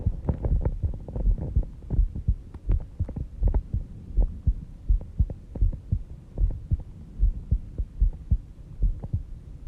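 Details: Heartbeat recorded at 5:30 am while sleeping, heart slow at about 70 bpm; steady, soft, low thumping beats with a faint background hum, a normal sleeping heartbeat.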